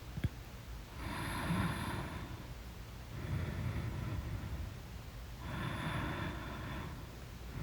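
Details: Loud snoring during deep sleep: rough, rattling breath noises recur about every two seconds over a steady low rumble.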